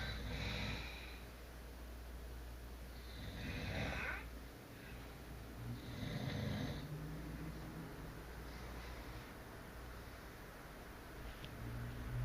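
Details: Two adults, a married couple sleeping together, both snoring heavily: loud, overlapping rumbling snores repeating every few seconds over a steady low hum.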